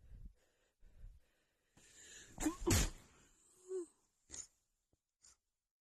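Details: Female muffled sneezing fit: several sneezes in quick succession, mostly stifled, with a few louder bursts escaping, then soft sniffs.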